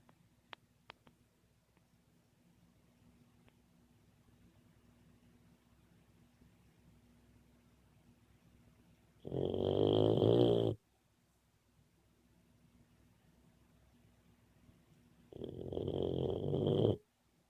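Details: Sleeping, dreaming Boxer puppy snoring: two long, rumbling snores separated by quiet breathing and faint room hum.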